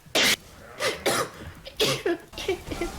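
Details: Cough: several short, harsh coughs in quick succession with a faint room background.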